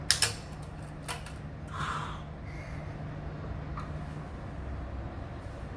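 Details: Florence, a bench-top emergency ventilator in which a single motorized cable-and-pulley system compresses a bag-valve-mask (Ambu bag) for volume-controlled ventilation: mechanical clicks, a low motor hum and a soft whoosh of airflow.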